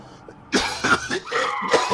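An adult imitates a harsh, repeated smoker's cough, several rough bursts in quick succession.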